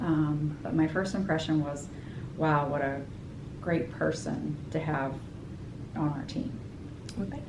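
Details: Adult woman speaking; typical speech.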